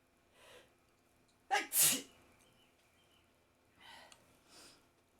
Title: Some sneezes after wake up .